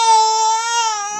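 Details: Baby boy crying, said to be hungry, while mother bathes and father has no milk; a single sustained, clear, high-pitched wail about a second long, slightly falling at the end; ordinary infant cry.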